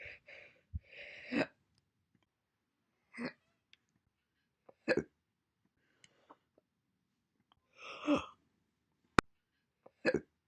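Short, abrupt gulping sounds with pauses between them, some faint. These are single hiccups, the catch made when the diaphragm jerks and the throat snaps shut.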